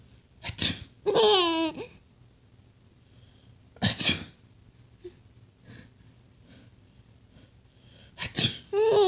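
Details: Father sneezing: three loud, abrupt adult sneezes, each followed by an infant's bright laughter.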